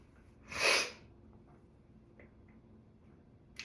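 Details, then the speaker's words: Person sneezing who feels stuffed and swollen in the face after being around a cat the day before: a single sharp, explosive sneeze followed by quiet room noise. "Sorry. I sneezed all over myself. Okay. I was gonna sneeze, but I don't know what happened."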